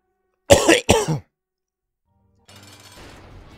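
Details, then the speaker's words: Two harsh, loud adult coughs in quick succession from a cough that has been acting up for hours and won't go away, which the person feels unable to control; faint music follows. "it feels like you have no control over when you cough and and you know how much it affects you at all"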